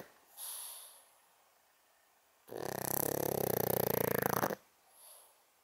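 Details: 11.5-year-old senior female pug sleeping and dreaming: loud, rattling, fluttering snore on the in-breath, about two seconds long, between softer breaths; snoring.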